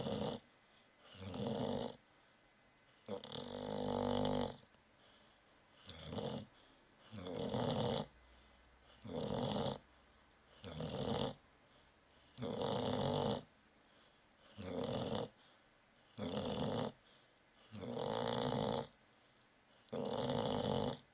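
Repeated rasping, rattling breath sounds on both inhale and exhale, roughly 16 breaths a minute; snoring.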